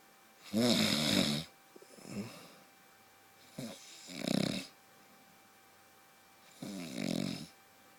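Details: Husband heavily snoring while asleep, likened to a truck: three loud, rough, rattling snores a few seconds apart with quieter breaths between, faint steady room hum.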